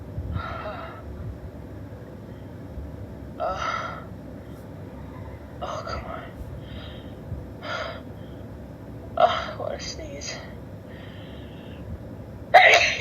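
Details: Woman with a stuffed-up nose and a teasing tickle: six or seven sharp, irregular in-breath gasps build up, then end in a brief burst, a held-back, stuck sneeze.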